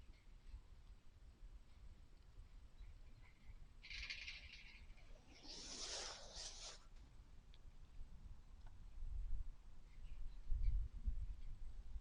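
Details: Stethoscope on the flank of Sweet Pea, a goat, standing calmly during a rumen check in a barn: low rumbling and gurgling of active digestion, normal rumen sounds.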